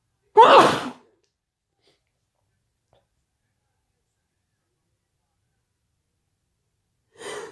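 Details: Induced, wet and intense sneezing: one sharp forceful sneeze, then a long silence before a second sneeze begins.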